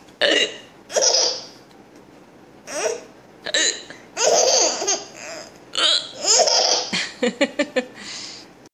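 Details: Baby laughing in bursts, broken by short sharp catches of breath; hiccups.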